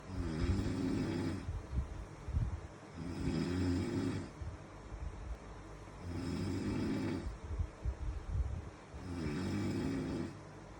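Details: Loud, deep, rumbling snores at about 25 breaths per minute, with softer exhalations between them; snoring.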